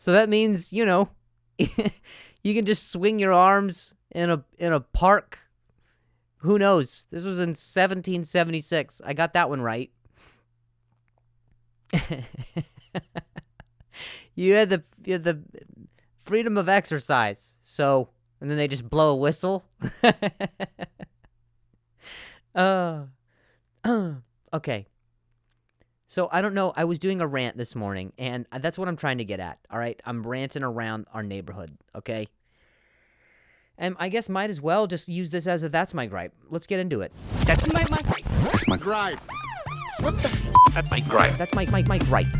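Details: Adult man who stutters and says he has a difficult time saying certain words on some days; stuttering.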